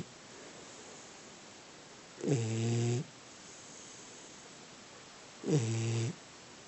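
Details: Snoring, audio only: two low, buzzing rattles about three seconds apart on a quiet background, each under a second.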